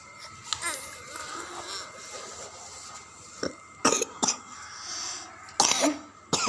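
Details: Child (Abas) coughing during a nebulizer (steam) treatment at hospital, with cough linked to cold drinks in cold weather: about five short, sharp coughs over the nebulizer's steady hiss.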